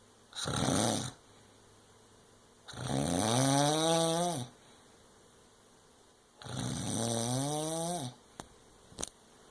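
Loud, drawn-out rattling snores on the breath in, about three in ten seconds, with quiet pauses between; ordinary snoring.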